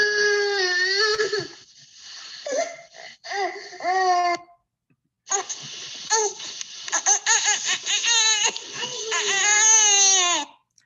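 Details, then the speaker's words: Normal infant cry from a typical baby with no brain injury, lively bursts with rising and falling, wavering pitch, contrasted with cries of brain-injured babies. "Now, what does it sound like for a baby who's controlled? Well, here, let's listen to a typical baby cry who has no brain injury."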